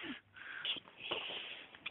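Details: Kitten with sneezes and wind, owner checked nothing stuck in throat: short hissy snuffles and a small sneeze-like burst, sounding congested through the nose; sneezing and snuffly breathing.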